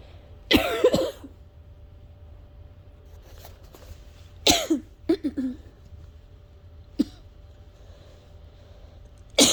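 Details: Adult with asthma having a nightly coughing fit: repeated harsh coughing bursts in a quiet room, occurring every night this week and disrupting sleep.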